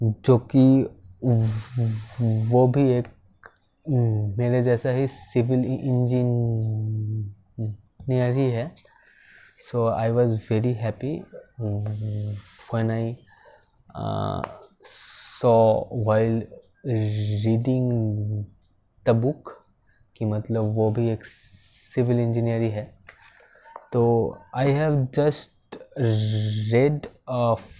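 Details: Male civil engineer who stammers, speaking Hindi about stammering as his own experience; stuttering.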